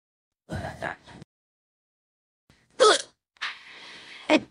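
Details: Simulated hiccups, acted as a cartoon character (Kitty Katswell) in a role-play, AI-generated: a few abrupt voiced gasps with breathy exhales between them.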